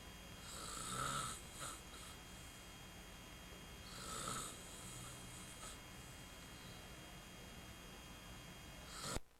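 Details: Two slow, rough breaths about three seconds apart over steady room hum, snoring during sleep, recorded in 1995.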